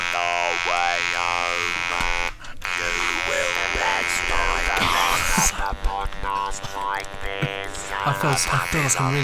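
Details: Buzzing, flat mechanical voice from a new electrolarynx, steady pitch with words shaped over the device's hum, picked up on a microphone during a podcast; electrolarynx speech.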